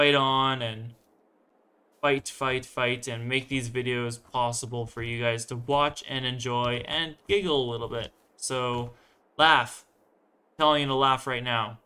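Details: Self-reported stuttering in a male speaker who says he stutters a lot and stumbles on words, just a part of himself; stuttering.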